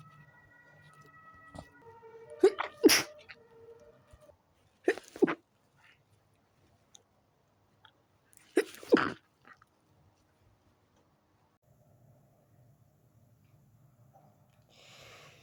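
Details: Person in bed trying to sleep, fit began after turning onto other side; three forceful sneezes in quick succession, each with sharp intake and explosive burst: sneezing fit.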